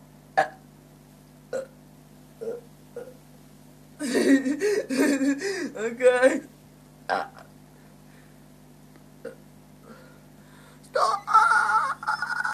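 A run of deep, throaty gulping burps over a steady background hum, with a few short voiced sounds around them; repeated belching.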